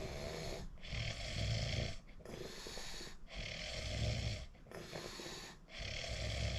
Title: recording myself WOW I REALLY SNORE SNORE 😴 😪